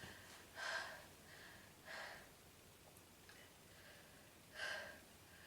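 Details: Woman's prolonged sneezing fit of about 46 sneezes: three short, soft sneezes spaced a couple of seconds apart over faint room noise.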